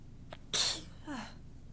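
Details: Soft, tickly sneeze while talking, nose completely stuffed up: a brief catch of breath, then a single soft, airy sneeze with a small trailing sound afterward.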